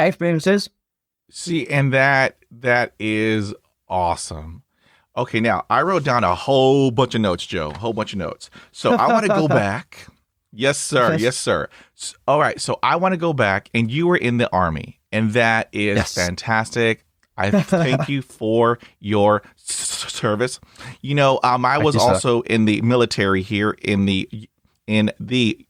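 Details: Adult male speaker; conversational speech.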